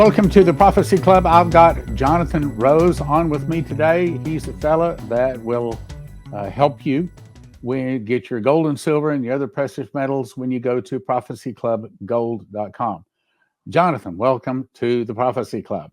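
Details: Adult male speaker; normal voice.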